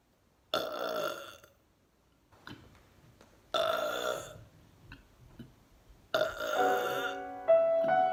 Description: a soundscape of burps, Debussy's "Romance", a poem recited by a theatre troupe in Cuba, and the audio of my arrest for protesting a pipeline.